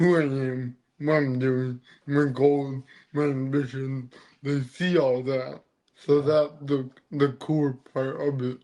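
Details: Adult man born with cerebral palsy, which affects his neck muscles, giving a deeper voice and making talking hard; dysarthria (cerebral palsy).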